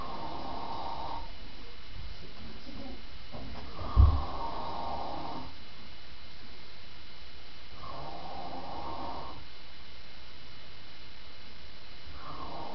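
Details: Adult man asleep, with slow breathing, rough noisy sounds about every four seconds and one sharp snort under a steady hum: snoring during sleep.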